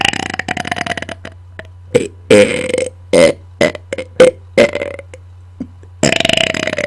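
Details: Deliberate, on-command burping close to a microphone: a run of about eight loud, deep belches in quick succession over a low background hum.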